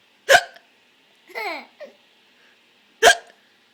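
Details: Infant with hiccups: two abrupt, sharp hiccups about three seconds apart, with small cooing or laughing sounds between them as the baby laughs at the hiccups.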